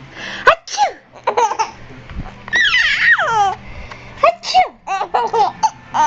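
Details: Baby deliberately making fake sneezes: a few small sneezes mixed with giggles and squeals.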